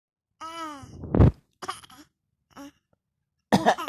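An infant gives a short vocal sound then a small deliberate cough, with brief babbling sounds after.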